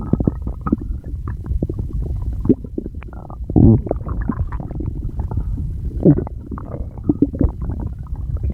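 Continuous low gurgling and rumbling with bubbling surges throughout; ordinary stomach growling.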